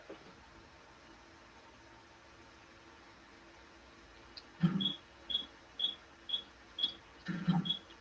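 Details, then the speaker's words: Six sharp snapping clicks about half a second apart in a quiet room: intense pulsed light (IPL) photofacial pulses on an adult woman's skin treating stubborn pigment spots, described as pigment oxidizing; IPL pulses snapping on skin. "You hear that snapping? Yeah. That's the pigment oxidizing. Ooh, You can actually hear it."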